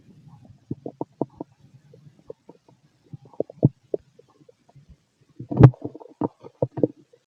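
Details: Stomach noise from a fit male: irregular low gurgles and short rumbling pops, louder near the end; ordinary bowel sounds, borborygmi.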